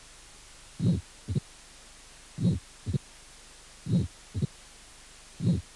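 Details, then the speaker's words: Mitral stenosis with presystolic accentuation: loud first heart sound, early-diastolic opening snap and diastolic rumble building toward the first sound. "estenosis mitral con arrastre pre sistólica primer ruido fuerte chasquido proto diastólica y retumbó diastólica"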